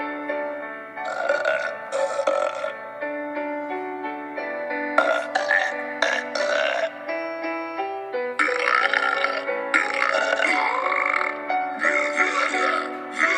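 Several long, loud voiced burps play over background music and audience applause, taken from a cartoon. Repeated belching.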